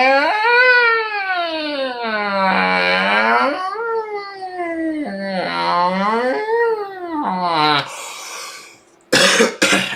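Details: Productive cough.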